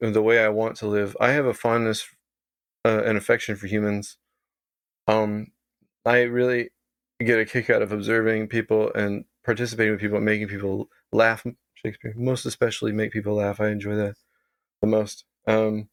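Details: Adult man with Tourette syndrome whose vocal tic is involuntarily saying "Shakespeare", heard in this stretch; vocal tic (Tourette syndrome).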